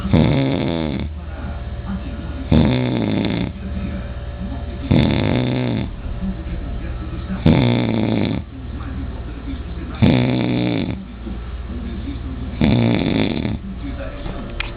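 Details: Uncle snoring very loudly: loud, rattling snores on each breath in, about 23 per minute, fairly regular, with quieter breathing between.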